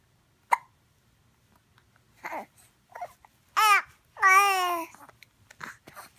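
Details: Infant aged 2.5 months babbling and cooing in a quiet room with a few short, sharp catches; hiccups.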